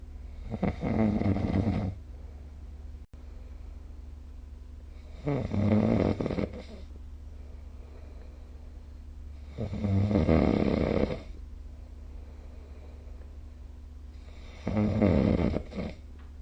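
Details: Snoring recorded with a snoring-recording phone app: four loud, rough snores on breathing in, about every 4.5 seconds (roughly 13 breaths a minute), with a steady low hum between them.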